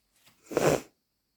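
A short indrawn breath followed by one soft, explosive sneeze, then silence.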